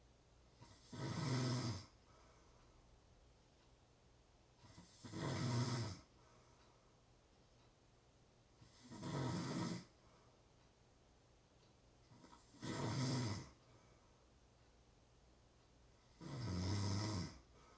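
Deep, rattling snores come on each breath in, about 15 a minute, with quiet pauses between them. Steady, regular snoring.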